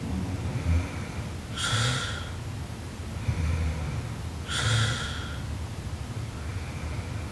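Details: Sleeping Japanese girl snoring very loudly: slow rough, noisy breaths with low fluttering snorts about 20 a minute over room noise.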